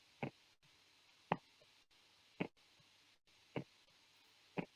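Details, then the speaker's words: Stethoscope auscultation teaching example of normal heart sounds: regular heartbeats at about 55 a minute with no extra noise between beats. "Kita akan dengarkan bagaimana jantung yang normal dan tidak normal. Nah, ini yang normal."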